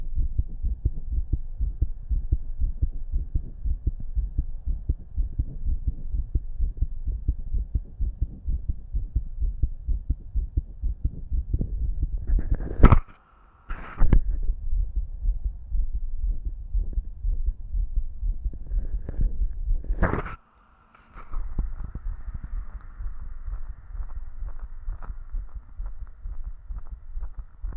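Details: Self-auscultation with a stethoscope over different spots of the recorder's own visibly fast-beating heart: rapid, steady heartbeats with two brief scraping pauses as the chest piece moves.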